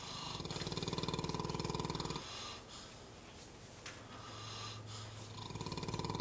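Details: Snoring while napping: loud, coarse, fluttering snore on each breath in, with quieter breathing between; heavy snoring during sleep.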